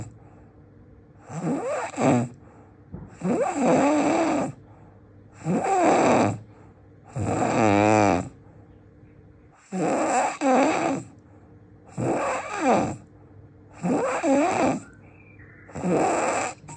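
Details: Loud, harsh, rattling snores with each breath, about 29 a minute, some with a fluttering vibration; heavy snoring during sleep, described as the loudest snoring in the world.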